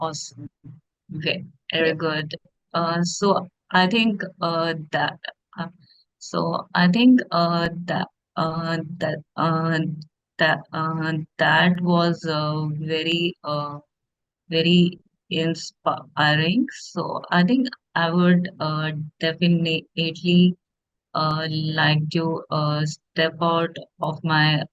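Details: Woman who stammers; stuttering.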